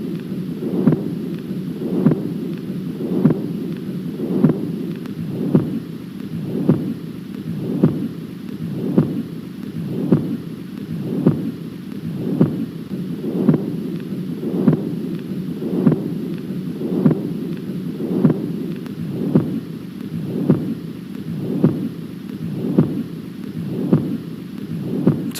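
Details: Continuous machinery murmur played as a cardiovascular teaching example; patent ductus arteriosus.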